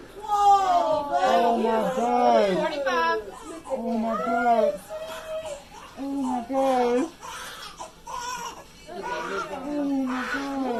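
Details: Strong, repeated wailing cries with gasping breaths from a newborn boy just after delivery at 40 weeks 5 days, described as a big boy, adult voices nearby; healthy newborn cry.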